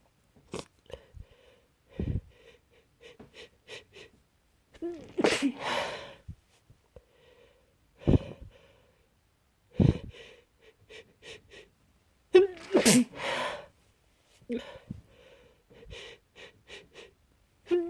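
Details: Several short, muffled sneezes deliberately held back through a closed mouth while trying to stay quiet, with quick catching breaths between; stifled sneezing, not a wheeze.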